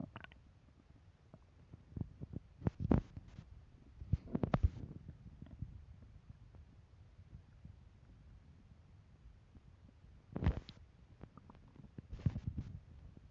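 Quiet room with several low gurgling rumbles in short bursts: ordinary stomach rumbling.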